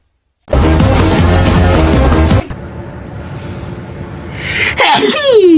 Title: sneeze moments